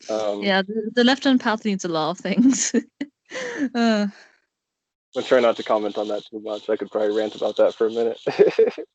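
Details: Adult speaker; no speech disorder.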